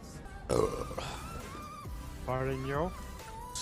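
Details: Female live streamer's deep, drawn-out voiced burps with a rough, croaking sound and music behind; loud repeated belching, followed by her apologizing that it was unladylike.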